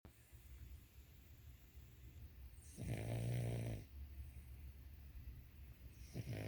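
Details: A sleeping dog gives one long, low, rattling snore on an in-breath, then quiet breathing and the start of another, over steady room hum: snoring.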